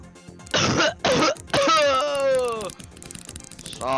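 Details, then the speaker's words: Cough from a gamer recording while somewhat sick, apologizing for coughing a bit. "Sorry guys, just coughing a bit. It's just because I'm kind of sick, you know."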